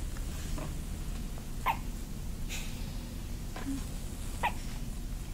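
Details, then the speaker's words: Faint, brief catching sounds about every three seconds under steady background noise, squeaking like a toy; hiccups in a baby girl held in someone's arms. "She sounds like a toy. She sounds like a toy."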